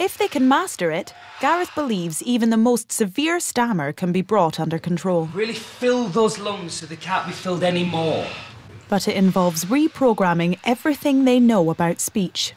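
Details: Adult narrator, possibly with a second speaker; ordinary fluent speech.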